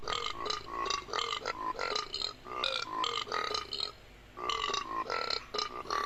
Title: burps compilatión 78